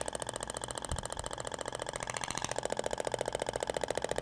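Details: Radial shockwave on the gel-covered abdomen, moved slowly, changing direction; sound differs between tip materials: rapid, even rattling pulses about fifteen per second; radial shockwave device firing at high frequency.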